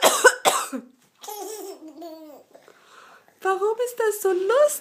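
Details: Mother's cough: two short, harsh adult coughs, followed by her infant daughter's high, giggling laughter and cooing.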